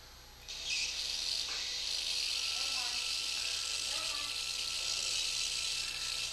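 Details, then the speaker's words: Steady high-pitched diamond-burr drill whine with faint voices: canalplasty drilling, smoothing bone posteriorly toward the facial nerve, during right tympanoplasty on a 10-year-old girl with a complete eardrum perforation from a Q-tip injury. "so what we're going to do is just kind of smooth this out posteriorly here. Again, because the facial nerve's down here, we want to drill in the direction of the facial nerve."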